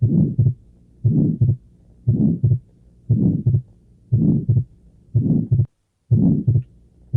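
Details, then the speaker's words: Atrial septal defect: regular heart cycles at about 58 a minute, each with a soft midsystolic murmur and a split second heart sound. "Un soplo mesosistólico asociado con un desdoblamiento del segundo ruido. ¿En qué tipo de paciente estaría pensar en una comunicación interauricular?"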